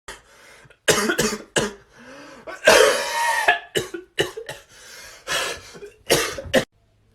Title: When someone coughs in your class || Meme